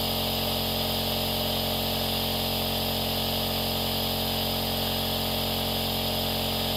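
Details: Aerosol nebulizer compressor running continuously: steady, unbroken mechanical hum and hiss with a fine rapid buzz.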